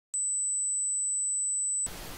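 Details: Simulated ringing-type tinnitus: steady high-pitched pure tone under two seconds; ringing type typically related to cochlear damage.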